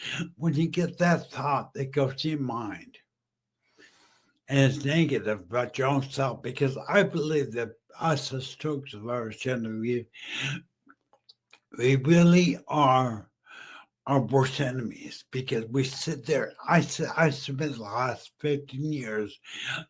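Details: Mild aphasia in a male stroke survivor about 15 years after stroke and brain injury; he was once mute, is half paralyzed and uses a wheelchair.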